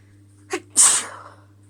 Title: Chhikni hitching sneezes (f)